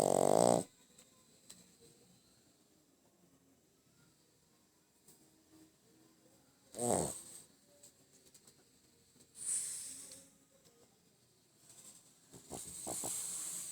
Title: My pug snores n make noise while sleeping. ...